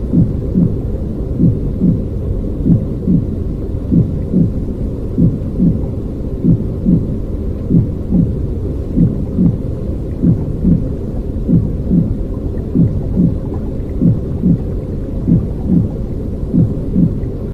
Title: Human baby’s heart sound